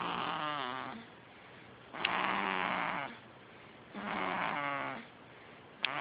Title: Snore Machine